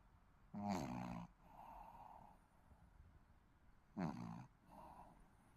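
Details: Snoring in a sleeping Shih Tzu: two deep, rumbling snores a few seconds apart, each followed by a softer breathy exhale.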